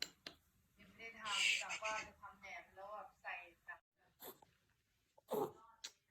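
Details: A Chihuahua with a viral throat infection diagnosed by a vet makes strained, voiced hacking sounds followed by short cough bursts.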